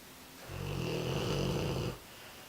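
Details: American Bulldog snoring in one of his quieter sessions (often much louder): one loud, rattling snore on the in-breath, lasting about a second and a half.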